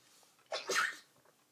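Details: Early-morning sneeze attack while sorting clothes: a quick in-breath followed by one forceful, hissing explosive burst; a single sneeze.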